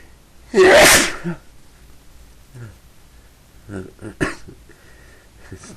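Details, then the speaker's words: One forceful sneeze followed by quiet breathing and faint sounds, from a person who says they have been sneezing all day and cannot stop; part of repeated sneezing. "I have to sneeze. Sneeze again. I can't. I've been sneezing all day. Can't stop."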